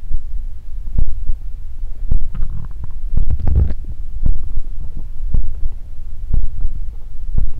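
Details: Body ASMR close-up recording of the belly: low gurgling rumbles and soft bubbling with repeated dull thumps; normal stomach growling (borborygmi).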